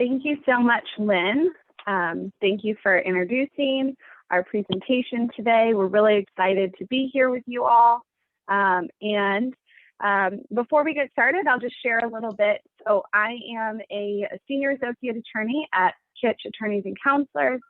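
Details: Adult woman speaking; normal voice.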